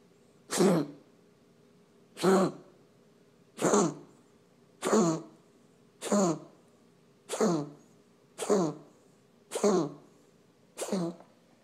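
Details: Pet's coughing spell recorded for veterinarian review: nine sharp harsh coughs at steady intervals of a little over a second: cough.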